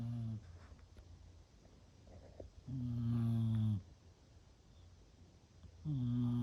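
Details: Sleeping female, not woken even by a sneeze, gives slow rumbling snores on each breath, about 20 a minute, with quiet pauses between; snoring.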